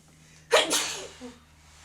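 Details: Person sneezing a lot after a gym workout, cause of suspected allergy unknown (maybe dander, pollen, grass): a single forceful sneeze, a sharp inhaled catch then an explosive burst of air, then quiet room noise.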